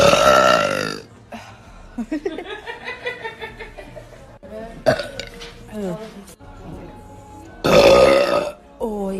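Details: Two loud, long belches from a woman, separated by talking and background music; voluntary burping.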